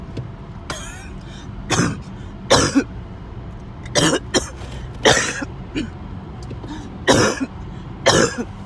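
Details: About eight harsh repeated coughs with throat clearing between, the end of a 20-minute coughing spell; faint traffic noise behind.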